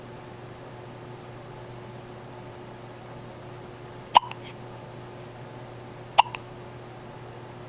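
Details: Person with hiccups: two sharp, brief hiccups about two seconds apart against a steady room hum.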